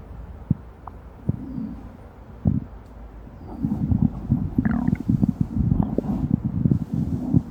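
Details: Hour-long amplified recording of stomach rumbling: low, irregular gurgles and rumbles, sparse at first then more frequent, with a few higher squeaky tones; ordinary bowel sounds.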